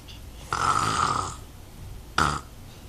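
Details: Child imitating his father's snoring: two throaty, rasping snore-like noises, one long and one short; imitated snoring.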